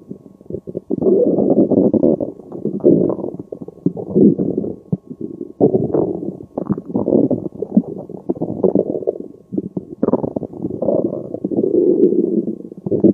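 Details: Continuous low gurgling and rumbling from the abdomen with irregular bursts and short gaps while digesting spaghetti carbonara: ordinary bowel sounds (borborygmi).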